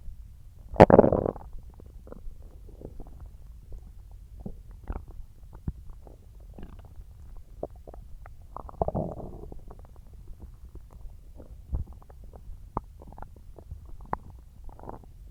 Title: {~stomach growling after eating watermelon~}